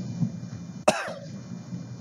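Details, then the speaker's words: Adult gives a single sharp, deliberate cough as a phonatory trigger (step 3 of a hypofunctional dysphonia voice therapy protocol) to bring the vocal folds together. "step 3 initiate use of the phonatory triggers such as a cough a"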